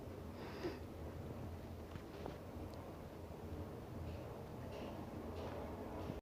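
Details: Hiccups, likely from a pet animal: about five faint, brief snort-like bursts recurring every second or so over steady low room hum.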